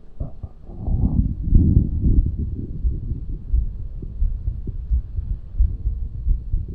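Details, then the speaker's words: Muffled low thumps of an adult's heartbeat, recorded with a 3Dio binaural microphone, partly masked by rubbing, body noise and possible stomach sounds in a person with tummy issues: heartbeat. "I feel like heartbeats reminds me of like a hug. And you can even hear the muffle noise."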